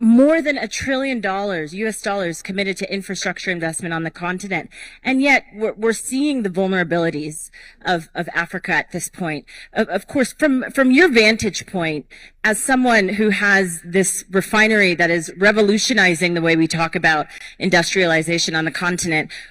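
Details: Adult moderator speaking; Normal voice.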